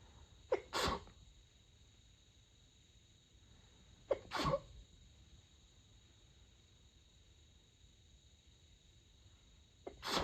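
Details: Person trying to sneeze quietly in the middle of the night, covering sneezes with a light blanket, during a long fit of 32 sneezes: three stifled sneezes, each a short in-breath then a muffled burst, faint steady hum.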